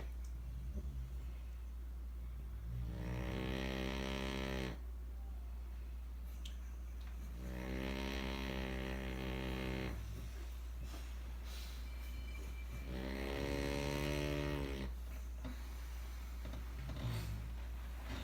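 Three loud, low, droning snores on inhalation, about five seconds apart, with a steady hum in the background.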